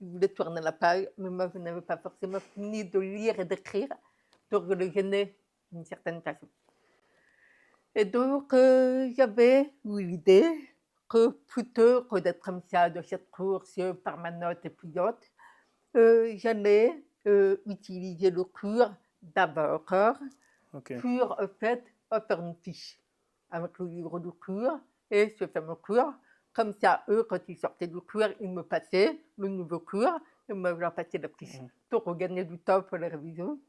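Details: Adult woman deaf since infancy (diagnosed at 9 months, doctors said she would never speak), who has never heard her own voice and learned to speak through about 20 years of speech therapy and lip-reading; deaf speech.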